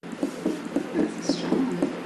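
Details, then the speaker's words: Young patient's normal heartbeat, recorded by a music therapist as a keepsake: steady, regular lub-dub at roughly 110 beats a minute with a faint steady hum. "I think a heartbeat is such a beautiful sound and especially to a parent their child's heart beat is probably the most beautiful sound that they can hear"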